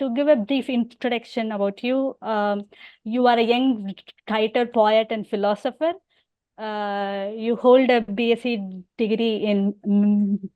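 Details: Stammering in an adult woman who stammers and also has hearing loss.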